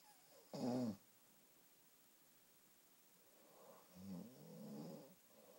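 One short loud snort followed by a quieter drawn-out snoring breath; a small pet snoring in sleep.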